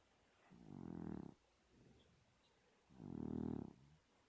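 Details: Snoring in a sleeping cat: two loud, rattling, buzzy snores on the in-breaths with a soft out-breath between, about 24 breaths a minute.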